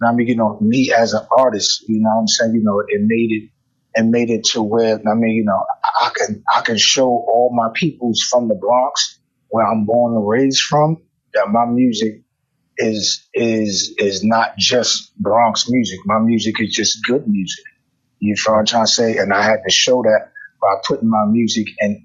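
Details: Adult male rapper with self-described bad stuttering inherited from both sides of his family (father and maternal grandfather stuttered); it affects his conversation but not his rapping; stuttering.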